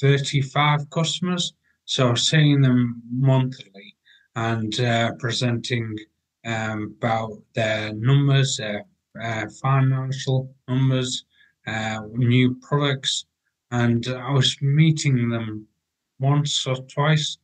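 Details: 43-year-old man with aphasia acquired about six and a half years earlier after a major car accident causing coma, ICU care and 11 months in hospital; he reports language breakdown and difficulty getting words out.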